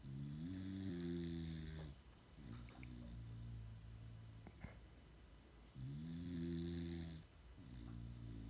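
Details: Pets snoring during an afternoon nap.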